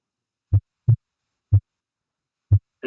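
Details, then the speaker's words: Human heart auscultation during deep breathing: clean low heart sounds in short pairs and singles, the second sound splitting when the patient breathes in deeply; physiological splitting of the second heart sound. "mientras más puro tuk tuk tuk tuk probablemente el paciente está en la inspiración pico si entonces yo le estoy diciendo al paciente respire hondo y en ese momento que está respirando muy hondo ahí probablemente pueda percibir lo que se llama el desdoblamiento fisiológico del segundo río"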